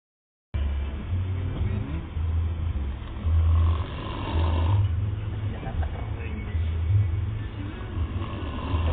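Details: Extremely loud, deep, rumbling snores in slow repeating surges with a rough rattling quality, from a skilled angler while sleeping; some background noise.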